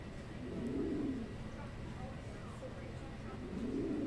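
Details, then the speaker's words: Simulated stridor from a virtual-reality patient simulator, shown after labored breathing with accessory muscle use: a high, crowing, cooing noise on two breaths over faint background hiss. "And then, of course, there's stridor as well, and I'll be quiet just for a second so you'll be able to hear it."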